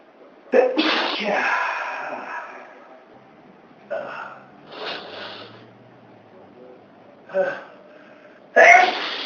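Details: Adult repeated sneezing triggered by household dust during cleaning, reported dust allergy that sometimes causes bad sneezing: four sharp explosive sneezes in quick succession, each a sudden noisy burst.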